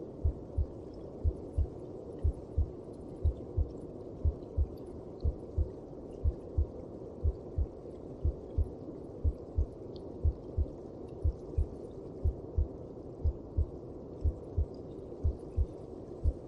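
Steady, regular low thumps at about 60 per minute under a soft whooshing hum: a mother's heartbeat as heard from inside the womb.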